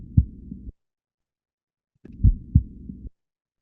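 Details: Low, dull heart thumps in short bursts split by silence, played as a ground-truth reference beside heart signals recorded through a low-cost earphone; normal heart sounds.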